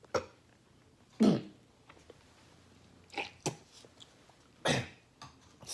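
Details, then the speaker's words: Intractable hiccups present since March 2, 2018, for over a year and not improving, with visible stomach movement: about five brief, abrupt throat sounds at irregular intervals in a quiet room. "so this is just an update of my hiccup I'll probably do another video again tomorrow intractable hiccups that's what they're calling it"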